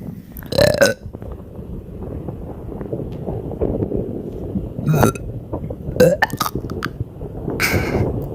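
Several loud, deep belches in quick succession over a noisy background, with some music, fitting repeated burping from a bloated stomach.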